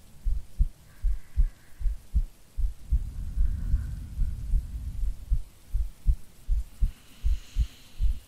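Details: Steady low thumping heartbeat at about 75 beats a minute with rain and soft rumble behind, a woman's normal heartbeat in a no-talking ASMR sleep-aid recording.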